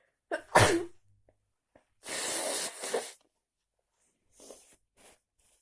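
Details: Person cold after walking in heavy rain without an umbrella: quick inhaled gasp, sharp sneeze, then a second long hissing sneeze and soft breaths; sneezing.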